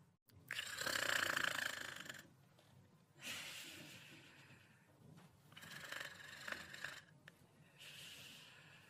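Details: Ginger snoring: slow rhythmic rasping snores on each breath, with short snorting catches between them, in a quiet room.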